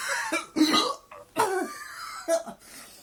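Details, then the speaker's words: Adult man with a fit of hiccups that sound like retching, saying he is choking and mentioning beer and his throat: several harsh, throaty coughs and gagging sounds in quick succession, like choking or throat clearing. "Oh, fucking hell. Look at me choking. I don't think I scoop a beer, so fucking. I'm fucking choked."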